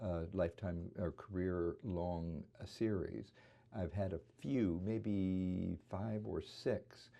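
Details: Imitated atypical spasmodic dysphonia, a focal laryngeal dystonia, in the variant leading with tremor: shaking, almost all wavering voice with a few small inserted catches (spasms).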